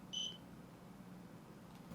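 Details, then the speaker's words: One short, clear beep from a cold laser during costochondritis treatment, signalling dosing of that area is complete before scanning the rest of the patient's left side; quiet room hum. "so you hear that beeps it's done dosing in that area and we're going to go ahead and scan the rest of this left side"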